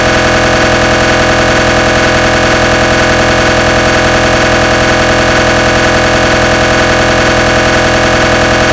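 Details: Loud, steady, rapid mechanical knocking hum at about 158 pulses a minute: a simulated recreation of GE 1.5 T MRI gradient-sequence noise.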